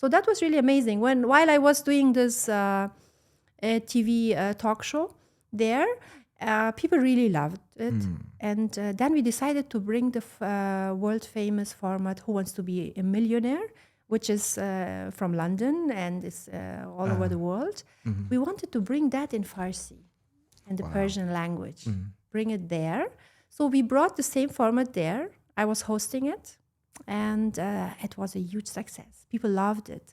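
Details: Adult woman speaking; normal speech.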